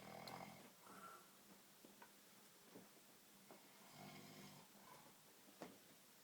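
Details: Soft, rough snoring with breathing noise in a quiet room; ordinary snoring.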